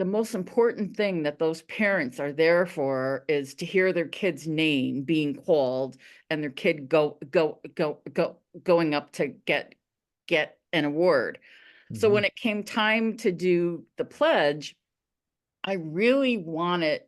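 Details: Adult veteran high school coach who stutters; stuttering.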